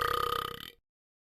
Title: all burping